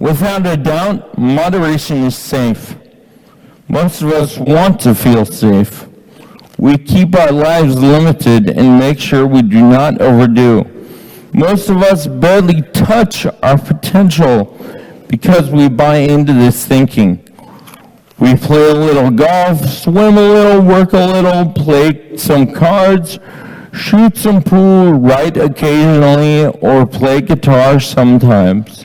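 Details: Man with Friedreich's ataxia diagnosed at age 17, reading aloud; ataxic dysarthria (Friedreich's ataxia).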